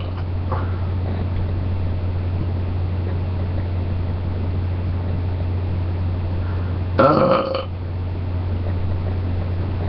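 One low, rumbling burp about half a second long, over a steady low hum of background noise.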